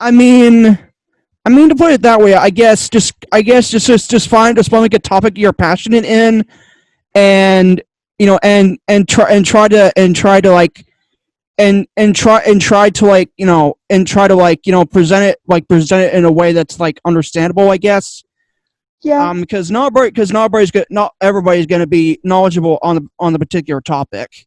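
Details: Adult male guest on a cerebral palsy community podcast, with two diagnoses, who stutters a lot, especially when unsure what to say; he attributes it to his other diagnosis. Finding: stuttering.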